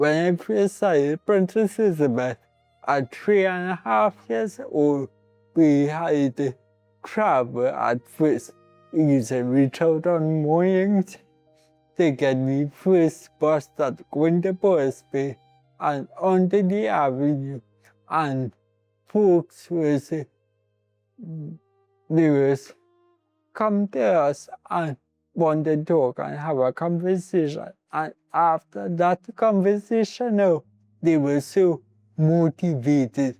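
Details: Speech difficulty in an adult man born with cerebral palsy; his mother says he might fumble a little when talking and took years to learn to read and write.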